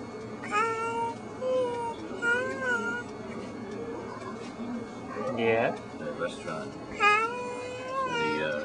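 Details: Baby with a tracheostomy on a ventilator, vocalizing ('singing') using back pressure from the ventilator; infant vocalization with tracheostomy.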